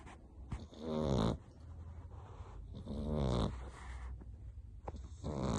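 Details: A sleeping French bulldog puppy snoring: rhythmic, buzzing snores with soft snorty breaths between them, about 28 a minute, with a faint hum in the room.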